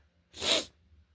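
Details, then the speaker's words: Adult with allergies, woke up sneezy: a single sharp hissing sneeze lasting under half a second, quiet before and after; says allergies are really bad today, a lot of sneezing. "Oh man, my allergies are really bad today. It's a lot of sneezing."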